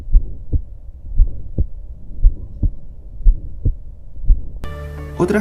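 Regular heartbeat near 58 per minute with a soft rushing murmur between the beats, the midsystolic murmur of aortic stenosis; music starts near the end.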